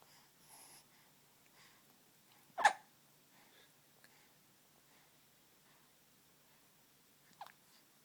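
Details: Morning hiccups, likely an infant: two abrupt, short catching sounds about five seconds apart in a quiet room.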